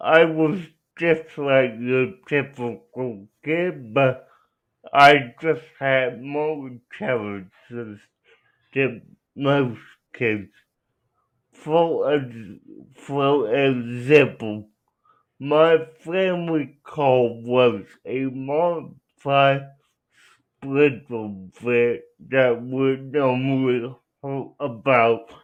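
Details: Young man with cerebral palsy who uses a wheelchair; dysarthric speech (cerebral palsy).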